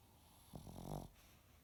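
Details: Snoring: a single brief snore, a low fluttering rattle lasting about half a second, against quiet room noise.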